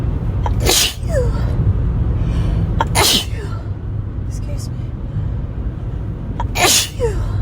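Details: Person sneezing uncontrollably while driving, triggered by a nose tickle: three forceful sneezes a few seconds apart over steady road noise.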